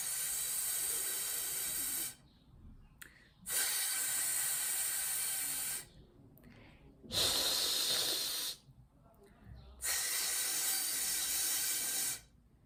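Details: Therapist demonstrates correct frontal /s/ by directing airflow out the front through a straw held to the teeth, sounding louder through the straw, in contrast to a lateral lisp: correct frontal /s/ airflow.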